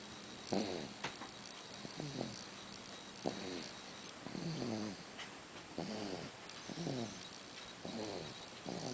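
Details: Soft, regular snuffling snores with each breath, about eight in nine seconds, from a sleeping small animal; ordinary snoring.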